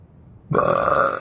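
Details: Animal burping: one loud, rumbling burp lasting under a second after a quiet start.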